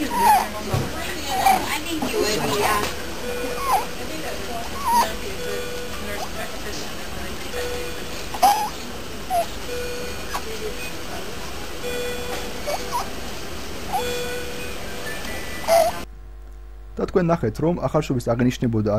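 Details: Stridor, a loud, noisy, whistling breathing sound, presented in the context of inspiratory and expiratory stridor.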